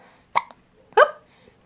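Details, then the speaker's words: Baby with hiccups: two short, abrupt hiccup sounds about half a second apart; ordinary, harmless infant hiccups. "oh my goodness why did we get the hiccups when we were gonna make a video huh we're so silly"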